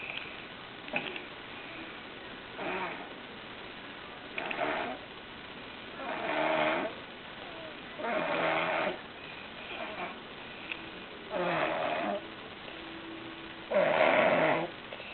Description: When Maddy was sick she snored like a chainsaw cutting wood.